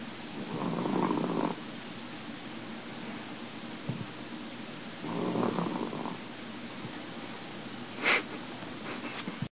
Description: After a hard day of being a chihuahua and a full belly, the snores come easy....